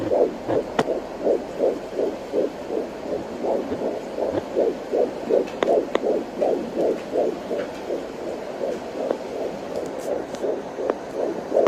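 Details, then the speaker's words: Home fetal Doppler at 14 weeks of pregnancy, baby moving, machine not registering a number: rapid regular galloping whooshing heartbeat about 165 per minute with some movement crackle; normal fetal heartbeat. "Even though the machine is not registering the number, I know that's baby's heartbeat because it's like a galloping sound, like a horse galloping."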